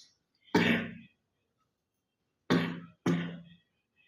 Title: Girl coughing 269